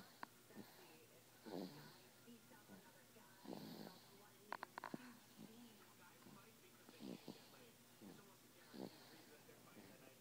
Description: Sleeping and snoring like her daddy